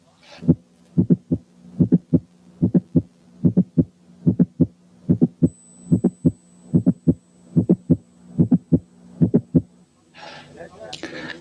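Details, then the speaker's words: Mitral valve prolapse heard at the apex with the stethoscope diaphragm: a regular heartbeat near 73/min with a mid-systolic click. "حالة 2 كان ميد سيستوليك كليك في ماترال فالف برولابس."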